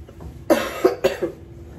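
Two short, fairly dry coughs in quick succession from an adult with COVID-19.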